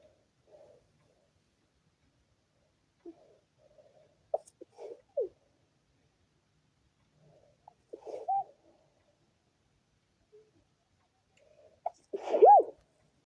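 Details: Stifled sneezing fit in which the person tries to make an "Achoo" sound: several quiet, muffled, held-back sneezes in a series, ending with a louder half-voiced sneeze.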